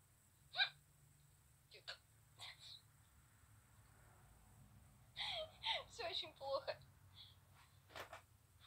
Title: Cute gamer girl has hiccups